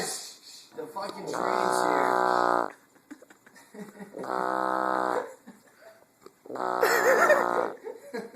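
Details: A drunk adult man passed out on a couch, snoring: three long, loud, buzzing, groan-like snores, each over a second, about every three seconds, with quiet gaps; he was woken afterwards.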